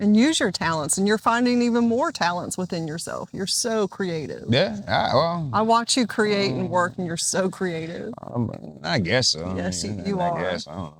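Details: Adults in conversation; no disorder.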